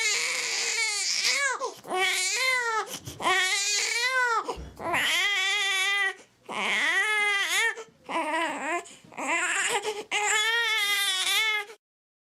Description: Baby Cry sound effect, free to use royalty free no copyright.